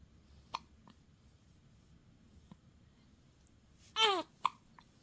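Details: Newborn baby hiccuping while passing stool: several short, sharp hiccup clicks with a brief infant squeal between them; newborn hiccups.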